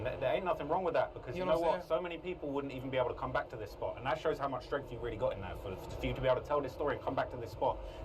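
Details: Adult man; normal speech.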